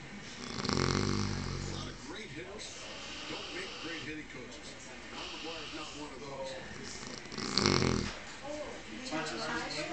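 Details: Person sound asleep snoring: two loud, rough snores with quieter breathing between them, voices talking in the background.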